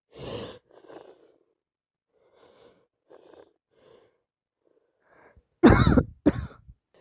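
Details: Soft breathy sounds, then two harsh, loud coughs in quick succession, in a person with a wet cold with heavy sneezing, snorting and nose blowing.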